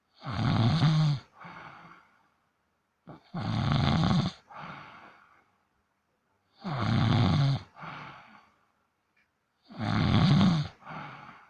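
Regular snoring, about 19 breaths a minute, each a louder rumbling inhale followed by a softer exhale; cat snoring.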